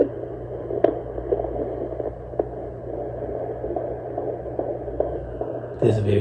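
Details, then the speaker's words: Fetal heartbeat on a Sonoline B home fetal Doppler in a plus-size pregnancy, with aloe gel on the abdomen: steady whooshing hiss with soft, rapid pulsing like galloping horses, expected around 140–180. "This is the baby's heartbeat, guys. Sounds like horses. Sounds like horses. It sounds like a horse galloping."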